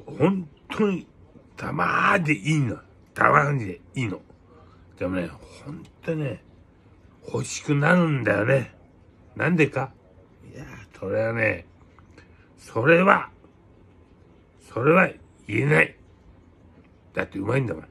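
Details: Speaker with aphasia and hemiplegia after a cerebral hemorrhage; aphasia.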